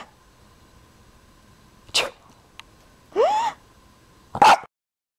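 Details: Short, sharp adult sneeze, followed by a rising whine and another abrupt burst from a dog that is scared of sneezes: sneeze.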